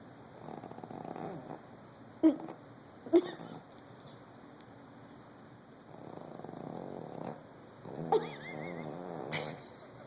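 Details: Soft, rough, buzzing snores on slow breaths, with a few sharp clicks and low room noise between them; snoring.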